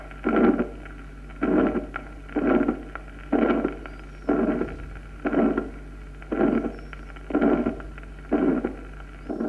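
Regular heartbeat at about 60 a minute, each beat carrying a harsh rushing systolic murmur followed by a loud second sound: aortic stenosis ejection murmur.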